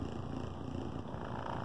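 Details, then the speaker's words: Airway clearance vest (chest oscillation device) running with a steady low rumbling hum during a treatment session of about 10 to 15 minutes per section, with adjustable duration and intensity, in a patient with COPD on oxygen awaiting double lung transplant. "okay each section is about 10 to 15 minutes you can also set the length of time"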